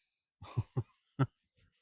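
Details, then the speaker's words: Adult with a really bad, particularly dry, irritating cough gives dry coughs while outdoors at old railway tracks. "You will hear that quite a bit because I've got a really bad particularly dry cough and it's irritating me to death."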